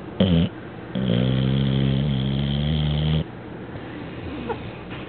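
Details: Loud, low buzzing snore lasting over two seconds, after a shorter one, during sleep, with quieter room noise between.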